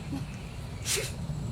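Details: Sleeping giant panda sneezing: a single brief, hissing burst of air through low rumbling background noise.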